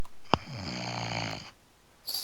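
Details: A single rattling, buzzing snore lasting about a second from a man asleep in the background, perhaps at his keyboard or on a couch, then quiet; snoring.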